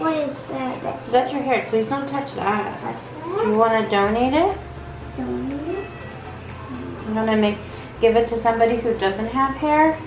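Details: Adult woman speaking to a child; typical adult speech.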